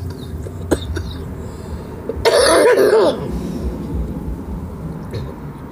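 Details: A single harsh, partly voiced cough with throat clearing from an adult woman who smokes: smoker's cough.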